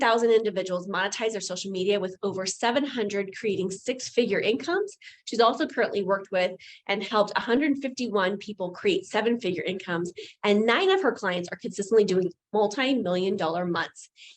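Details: Adult woman speaking; normal speech.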